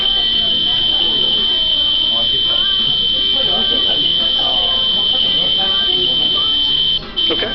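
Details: Spontaneous otoacoustic emissions from a normal ear, heavily amplified: a steady high whistle-like tone, two prominent emission frequencies with smaller ones, and background heartbeat, stomach gurgling and clothing noise.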